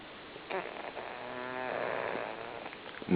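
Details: One drawn-out, buzzing snore with faint snuffling before and after from Lily, a sleeping pug; flat-faced dog snoring.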